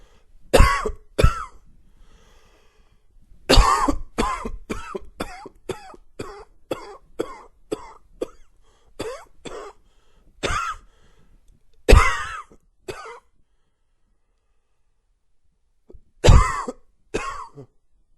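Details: A dry, wheezy cough: about twenty short, dry coughs in quick runs, some with a faint whistling, wheezy edge.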